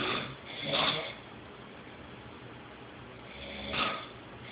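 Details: Adult man (Scott) snoring in his sleep, keeping someone awake: two loud, rough snores about three seconds apart, about 20 breaths a minute, steady background hum: snoring.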